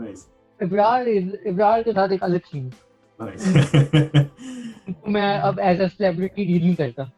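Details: Dysarthric speech in an adult with cerebral palsy, speaking Urdu.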